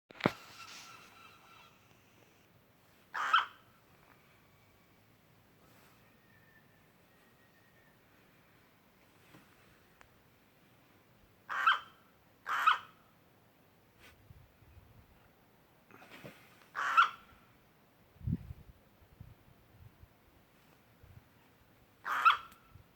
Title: Coughing Bird